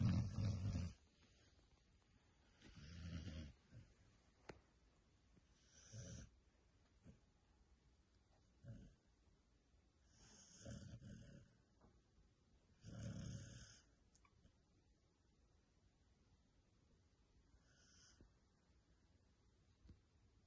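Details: Snoring recorded 03/14/24: soft, low snoring breaths repeating every few seconds, fading toward the end, in a quiet room.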